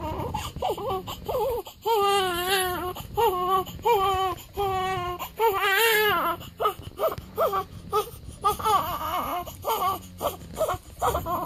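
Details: Seven-day-old newborn crying around a weigh-in: rhythmic, high-pitched repeated wails with short catches of breath and some room noise.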